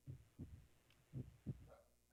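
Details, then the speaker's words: Two slow heartbeat cycles of low thumps, each followed by a faint extra third heart sound (S3), played in a biology class as a sign of a heart valve problem. "On entend un tout petit troisième son, et ça, c'est une indication qu'il y a un problème avec une valvule."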